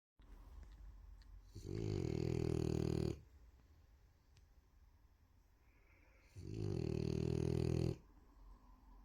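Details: Sleeping female French bulldog gives two long, loud, rattling snores, each about 1.5 seconds, separated by quiet breathing in a small room: heavy snoring.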